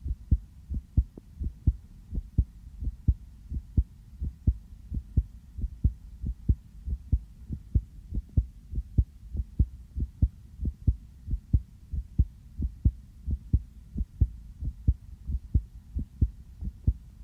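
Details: Steady, regular heartbeat, about 90 a minute, soft background hum, heard through a sensitive stethoscope on an adult's own chest just after coming in from outside, beat felt as fast; real, normal heartbeat.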